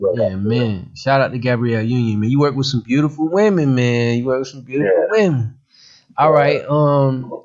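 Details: Adult male speaker; typical speech.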